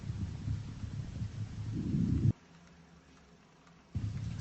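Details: Stethoscope lung auscultation over the back along the scapular line, around the 7th intercostal space, right then left; soft, low rustling breath with faint expiration: normal vesicular breathing, equal on both sides.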